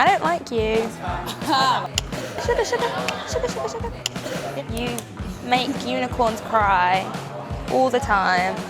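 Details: 21-year-old woman with Tourette syndrome since early childhood, diagnosed at age four, once so severe she had fits and was hospitalised; her tics include random words and phrases, sniffing, coughing, clicking and meowing. Tourette syndrome vocal tics.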